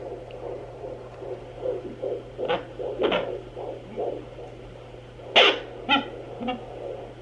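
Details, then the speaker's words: Fetal heartbeat on a Sonoline B fetal Doppler at 15 weeks pregnant, found in seconds with baby in the middle: rhythmic whooshing pulses over a steady hum, with scraping and thumping from probe or baby movement; faster than the mother's heartbeat. "so I found the baby's heartbeat sooner than I expected - honestly that took me like two seconds so that tells me that baby is definitely growing big and strong"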